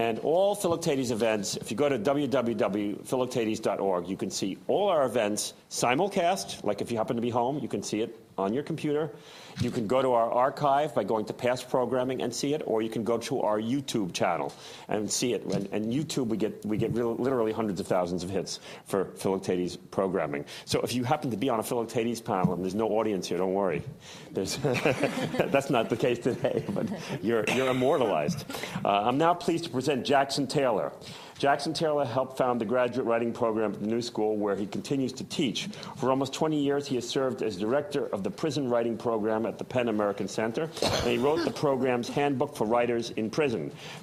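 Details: Adult male speaker; typical speech.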